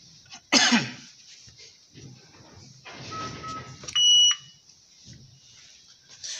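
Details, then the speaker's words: Power-on self-test tone of a Dräger Oxylog VE 300 transport ventilator when the on/off button is pressed during a device demonstration: a click and thump, then a steady high electronic tone under a second in a quiet room. "ये आपका on end of, इसे आप press करेंगे machine on हो जाएगी।"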